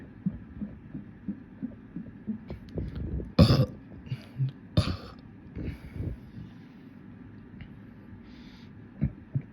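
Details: Deliberate burping session; a series of deep, rumbling, bubbly burps, two loud and drawn out, with smaller belches and throaty noises between. Burping.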